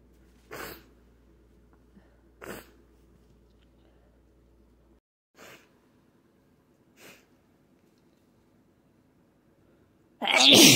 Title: So many Sneezes! 🤧